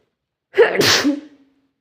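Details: A single sharp, forceful sneeze with a voiced onset and a fading hiss of air; a sneeze.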